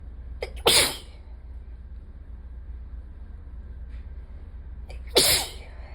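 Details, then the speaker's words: Two forceful sneezes, each preceded by a short in-breath, about five seconds apart, from a person with ongoing allergies the day after a bad allergy day; repeated allergic sneezing. "God, that one earlier got it all over my shirt. I'm in a bit of a mess. It was just really wet. It got everywhere."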